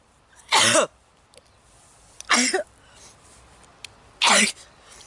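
Three sharp, explosive bursts about two seconds apart, a run of sneezes fitting an allergic sneezing attack.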